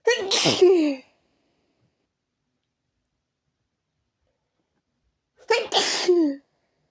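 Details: Repeated sneezing, habitual and not relieved by changing rooms: two forceful sneezes separated by a few seconds of silence, with snorts between, during a sneeze attack.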